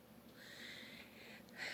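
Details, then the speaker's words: Cat breathing harshly and wheezily with snuffly snorting and grunting, like a blocked nose: noisy wheezy, snorting breathing. "I don't know if you can hear her or not, but she wheezes and grunts and snorts and everything."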